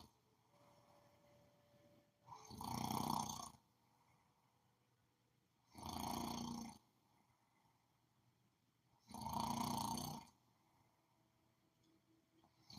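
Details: Three loud, rough snores about three to four seconds apart, roughly 17 a minute, over quiet room noise during sleep: regular snoring.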